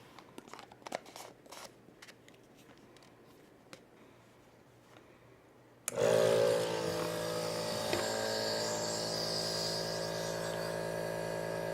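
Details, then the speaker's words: Adult with an asthma attack starting a nebulized breathing treatment with a bronchodilator: handling clicks, then the nebulizer compressor starts with a steady, loud hum and hiss. "well I mean breathing treatments are kind of cumbersome in that they take a while"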